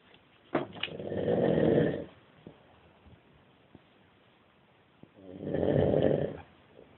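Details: Sleeping man: two long, rough, rattling snores about five seconds apart with quiet pauses between; snoring during sleep.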